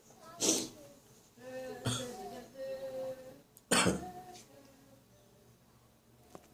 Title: Still Coughing Up Catarrh in the Morning.